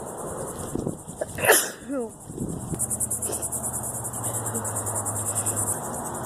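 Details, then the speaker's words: Allergy-season sneezing fit outdoors: a sharp, forceful sneeze with a quick inhale before it, then sniffing, over steady crickets. "Can't stop sneezing. Cannot stop sneezing."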